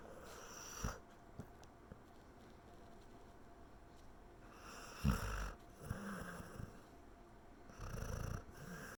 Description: Squeaky is dreaming hard and snoring loud :)